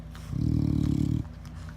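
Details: Snoring of a sleeping 4-year-old bull mastiff: one loud, low rattling snore lasting about a second, over quiet room noise.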